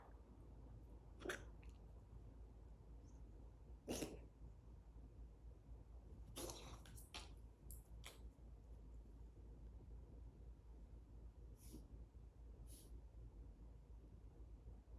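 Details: Cat with a few short, scattered hacking bursts, occasional recurring cough without vomiting; vet suspects an antibody reaction to vaccination; cat cough.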